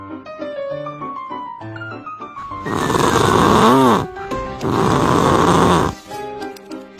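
Two loud, rough, rattling snores over background music; ordinary snoring.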